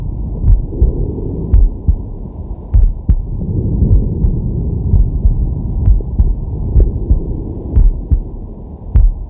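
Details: Male, relaxing at rest, digital stethoscope on the chest: steady low paired heartbeat thumps with a soft breathing hum; regular, normal heart sounds.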